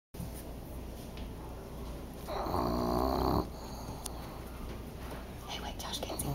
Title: Snoring dog wakes to the smell of food